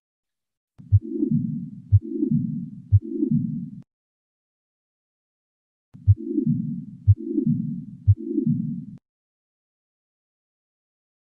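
Sharp heart sounds each followed by a long rumbling murmur filling most of each beat, about 60 a minute: continuous machinery murmur of patent ductus arteriosus.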